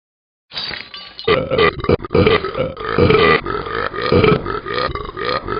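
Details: Talking Ben, a cartoon dog character from an app, burps: a long, loud, rumbling belch in repeated pulses; an animated sound effect, not a real recording.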